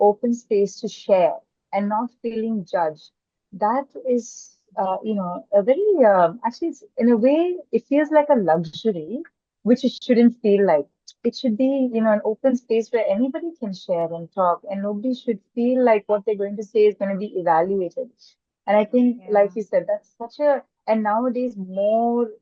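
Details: Adult woman speaking; typical speech.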